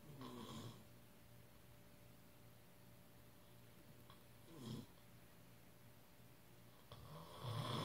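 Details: Three rough, rumbling snores through the nose and throat, spaced a few seconds apart in a quiet room, ordinary snoring.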